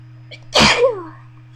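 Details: Sneezing induced with a bobby pin, part of a series of about 30 sneezes with 2 stifles and nose blowing; here a short in-breath, then one loud, explosive sneeze trailing into a voiced tail.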